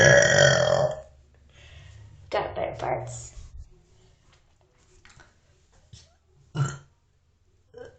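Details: A loud belch followed by a couple of shorter gurgling burps and a final brief one, with quiet room noise between; burping.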